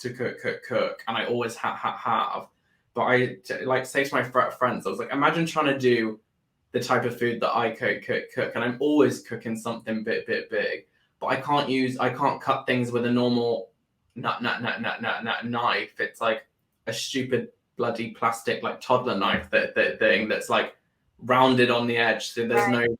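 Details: Adult man with Tourette syndrome that began later in life, not present his whole life, with bad tic days; frequent word and sound repetitions and involuntary exclamations including swearing; Tourette syndrome vocal tics.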